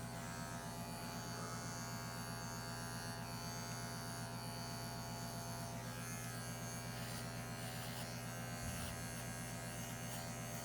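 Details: Steady buzzing whine of electric clippers clipping fur on an anesthetized, intubated 17-month-old intact male Labrador Retriever mix, preparing the prescrotal incision site for neutering; electric clippers.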